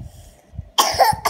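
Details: Two quick coughs from a child over soft household noise.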